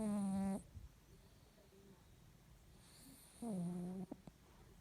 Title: “Mustard” snoring😆🐾🤣🐾